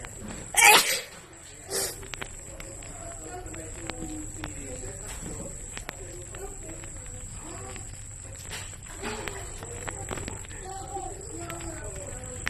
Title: Wide Nose Sneezes Philippines.